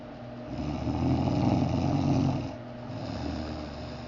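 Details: Adult man snoring in sleep: a rough, low, rumbling snore that swells and fades over one breath, followed by a quieter breath.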